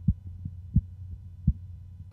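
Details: Korotkoff sounds while taking blood pressure of a 91-year-old man with prior myocardial infarction and hypertension, reading about 14/7: soft, regular low taps about 85 a minute over a low steady hum.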